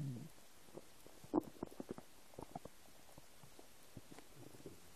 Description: English: New noises of my empty stomach.